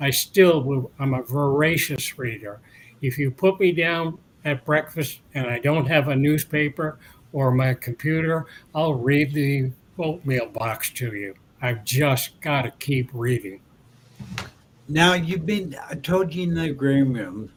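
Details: Adult man years after a 2017 stroke that caused aphasia and loss of mobility, with speech regained but residual word-finding difficulty that worsens when tired, dehydrated or agitated; mild residual aphasia.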